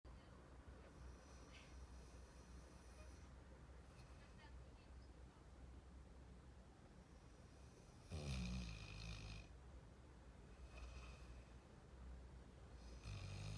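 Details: Labrador puppy snoring during sleep: low, rumbling snores that are deep and loud for a young dog, over a steady background hum.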